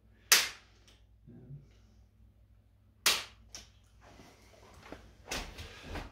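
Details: Activator V spring-loaded chiropractic adjusting tool used during an Activator Method scan on an adult woman with a stiff right shoulder and knee: sharp snapping clicks, quieter taps and room noise.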